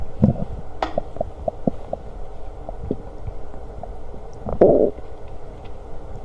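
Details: Person's stomach growling while eating lunch: gurgling, squelching abdominal rumbles with short bubbly pops over a low hum; borborygmi.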